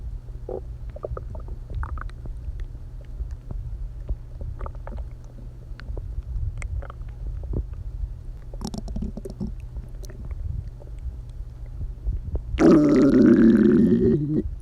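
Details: Low rumbling and gurgling from the belly of a person who hasn't eaten all day, ending in a loud, drawn-out growl; hunger stomach growling (borborygmi).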